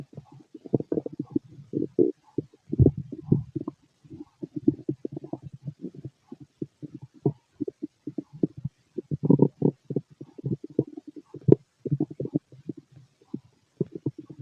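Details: Male's stomach growling: loud, irregular gurgling and bubbling rumbles in quick clusters; normal bowel sounds of a healthy digestive system.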